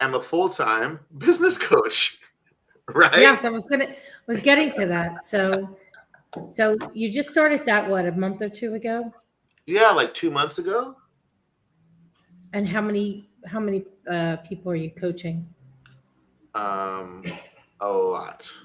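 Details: Adults in conversation; typical speech.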